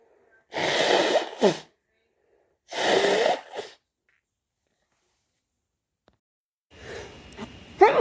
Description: wet powerful and muffled cold sneezes also shower sneezes and nose blows